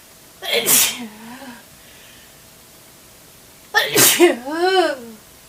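Two forceful, wet, spraying sneezes, each followed by a short voiced groan; ordinary sneezes.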